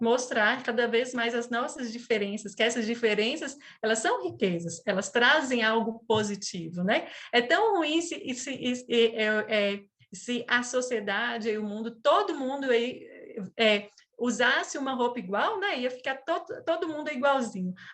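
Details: 37-year-old woman who stutters since age 4, with father and brother who also stuttered; she calls it a neurobiological speech disorder; stuttering.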